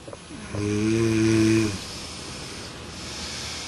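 One loud, low, rumbling snore lasting about a second, in a quiet room: snoring.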